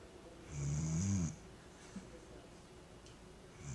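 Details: A sleeping Vizsla dog snoring, recorded on a Flip Video camcorder: one low rumbling snore on a breath in, followed by quiet breathing against steady room noise.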